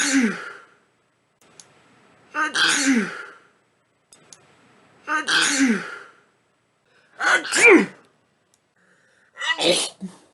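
Five sneezes in quick succession, each with a sharp inward breath and an explosive burst, in a quiet room. Repeated sneezing.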